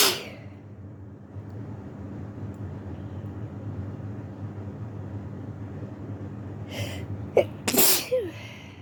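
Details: Person sick with flu, isolating at home, sneezing: steady background rumble, then a sharp burst sneeze with a short follow-up near the end.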